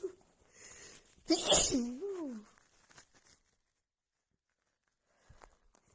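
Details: Female with a head cold and a blocked nose, after sniffing a tiny bit of black pepper: one forceful sneeze with a voiced, falling tail, then near silence; part of a rapid sneezing fit.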